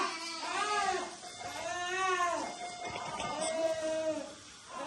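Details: Newborn received gasping, with meconium-stained fluid, given resuscitation, oxygen and NICU care, and now recovering: crying in repeated, voiced, wavering bursts of moderate strength.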